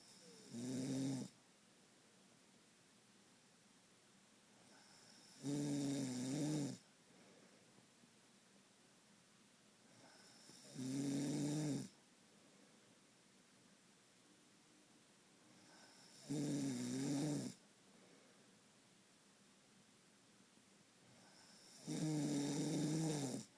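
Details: Nightly snoring: loud rhythmic snores recurring about 11 times a minute, with quiet pauses between them.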